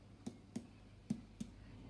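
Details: Adult patient's abdominal assessment: four short, soft finger taps in a quiet room, percussion over the right upper abdomen where the note turns duller at the liver edge; liver dullness.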